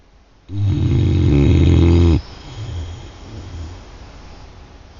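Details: One loud, low, rattling snore lasting under two seconds, then quiet breathing: snoring.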